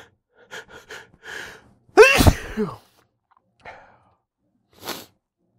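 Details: Allergy sneezing, frequent over the past week: several quick catching in-breaths build to one loud explosive sneeze, followed by a softer exhale.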